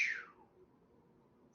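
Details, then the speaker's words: An instructor voices a brief falling hiss imitating blood leaking back through a broken heart valve after S1 closure; an imitated regurgitant heart murmur, backflow, in a heart lab teaching session. "ventricle contracts which way does blood go up it hits that valve and closes it that's S1 and now if that valve is broken it leaks it sounds like this"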